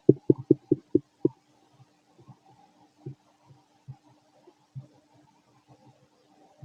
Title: Fit male stomach growling digesting